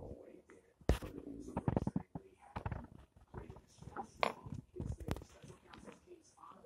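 Irregular low gurgles, squelches and rumbles with short bubbling bursts, typical of ordinary stomach rumbling from gas and fluid moving through the gut.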